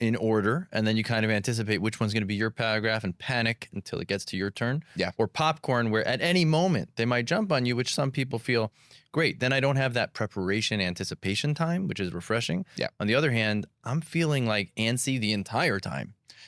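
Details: Adult male speaker; typical speech.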